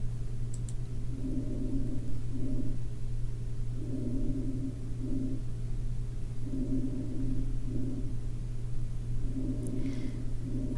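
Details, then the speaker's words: Normal vesicular breath sounds from an auscultation example: soft, low rustling breaths repeating evenly, air moving in and out easily, a longer inhale then a brief exhale. "alright so we want the vesicular or normal breath sounds"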